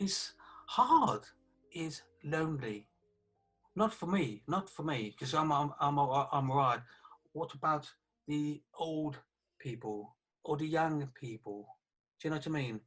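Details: 48-year-old man who had a stroke about three years earlier, with aphasia affecting communication that has improved over those three years; aphasia.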